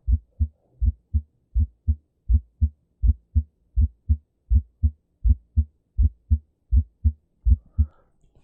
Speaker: а теперь расщепление первого тона Давайте посмотрим послушаем что будет Обратите внимание что первый том будет с двойным компонентом